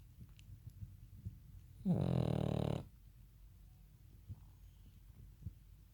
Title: Pug snoring